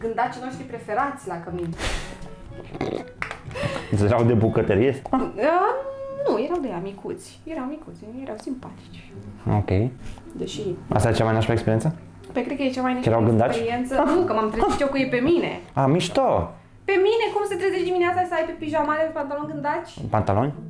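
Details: Adult woman speaking; ordinary speech.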